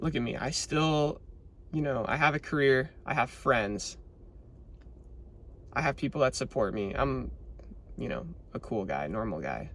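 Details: Adult male with adductor spasmodic dysphonia, recorded shortly after Botox injections into both vocal cords, which he says leave the voice weak and breathy for about two weeks; adductor spasmodic dysphonia.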